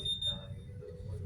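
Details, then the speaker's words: Dräger Savina Select ventilator during its pre-use device check, testing the additional acoustic alarm: a thin, high, steady alarm tone over low room hum. "di sini ada e melanjutkan alarm akustik tambahan Apakah terdengar jika terdengar tekan"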